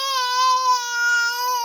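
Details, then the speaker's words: Toddler one week before turning 2, with stridor struggles, crying sadly after the phone was taken: one sustained, high-pitched wail with a clear, tonal voice. "Do you see yourself crying? Do you see yourself crying?"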